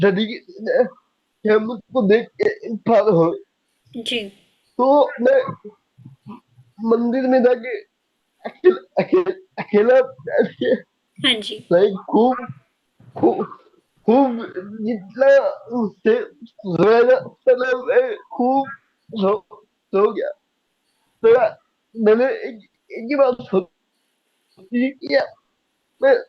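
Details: Young adult man with cerebral palsy since age 2, unable to speak as a child, still needing double effort and unable to speak clearly; slow speech with repeated words; dysarthria from cerebral palsy.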